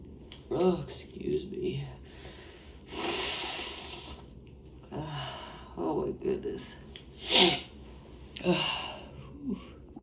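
Two sneezes, each preceded by catching inhalations, muffled as if into a handkerchief, with breathing between.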